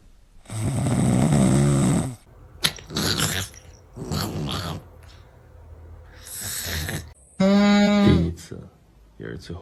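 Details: Sleeping cat snoring loudly with a rattling, sometimes buzzy tone, about every two seconds in a quiet room; snoring.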